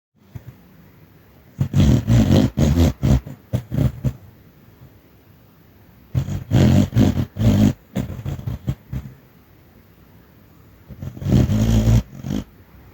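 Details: Small dog sleeping and dreaming: loud clusters of short snorting, rumbling breaths in three bursts; snoring with dream-time snuffling.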